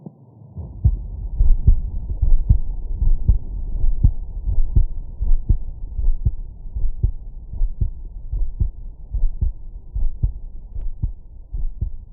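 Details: Steady low lub-dub heart thumps through a stethoscope, about 74 a minute; normal heart sounds.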